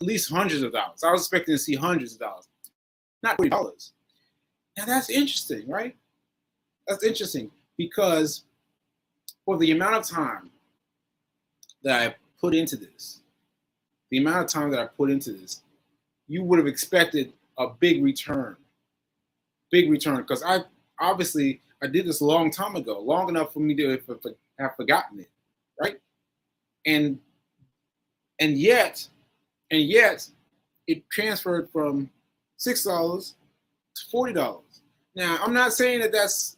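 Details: Aphasia in a male stroke survivor, nearly a year after a stroke on 7/14/22 (recorded 7/4/23); he is still recovering and says his aphasia made adding up numbers difficult.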